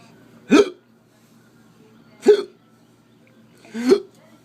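Three abrupt, voiced hiccup sounds, each a sharp gulp, spaced about every 1.7 seconds over quiet room noise. Hiccups.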